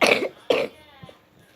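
Two short, harsh cough bursts about half a second apart, then quiet; a child's brief dry cough.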